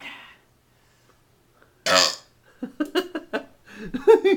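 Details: Man burping after chugging a whole can of extra-dry ginger ale fast: one long, loud belch, then a run of short, choppy bursts of burping or laughter.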